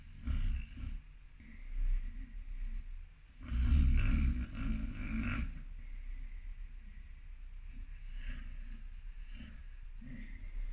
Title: American PitBull Terrier snores, runs around in a dream. Питбуль храпит и бегает во сне